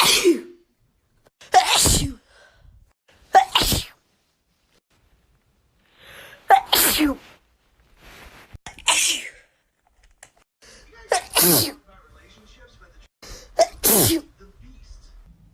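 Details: Wet sneeze compilation: about seven forceful, wet-sounding sneezes, several preceded by a sharp in-breath, separated by silence.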